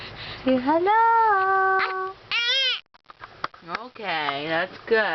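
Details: Short fussy cries from a baby girl, rising and falling in pitch with brief pauses and sniffs; ordinary infant crying.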